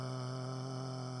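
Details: Patient with a right true vocal cord polyp, most MDVP parameters outside normal range: hoarse voice (vocal cord polyp)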